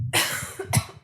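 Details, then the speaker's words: Two sharp, harsh coughs in quick succession from an unwell adult with a headache and a throat cough, but no runny nose: a short bout of coughing. "I have a really weird throat cough thing going on so I sound like a 14-year-old boy that's just um puber hit puberty"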